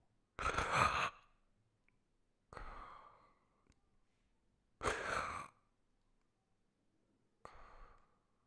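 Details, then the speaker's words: Cardiac arrest and CPR teaching: agonal gasping, a brainstem reflex breathing often following hypoxia and a sign of respiratory arrest. Isolated, irregular gasping breaths, each a sudden noisy intake followed by long silence. "qu'est ce que le gaspillage c'est une respiration réflexe du tronc cérébral très souvent suite à l hypoxie qu'est ce que tu entends"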